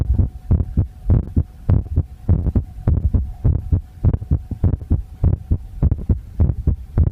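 Low, muffled thumping at about 100 beats a minute, with a steady hum and rough recording noise over it.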